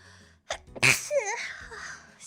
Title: sneezing